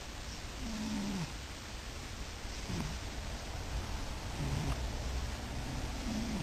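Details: Nearly seven-year-old male cat snoring: peculiar snoring sounds from a sleeping adult cat.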